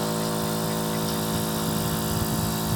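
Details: Nebulizer compressor (180 Hz spec), after repair of abnormal rattling noise, now running smoothly: steady low motor hum with constant vibration.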